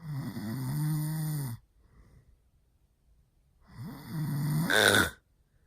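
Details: Adult man asleep: two loud, rough snores on breathing in, separated by a quiet pause; very loud snoring.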